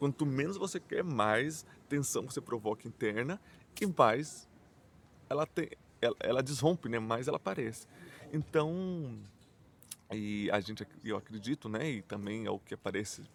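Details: Adult male Portuguese speaker who stutters and says his stuttering is marked by repetitions, blocks and silences; stuttering.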